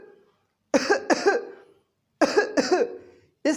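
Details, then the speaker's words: An adult imitates a cough that comes in pairs, two quick coughs per bout, repeated twice, demonstrating the paired-cough type; paired cough. "तो ऐसी खांसी लेकर कोई मरीज आए जिसे खांसी हो एक बार में दो बार खांसे, फिर से सुनेंगे"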